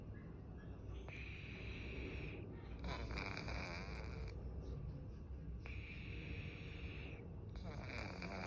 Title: what cat snore sounds like